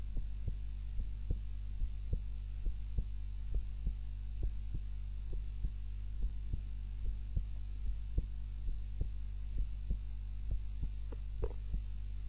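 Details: Own heart sounds recorded on a timer while napping, lying on the back (supine) rather than the usual face-down position: steady, regular low thumps around 90 beats a minute over a constant hum; normal resting heartbeat during sleep.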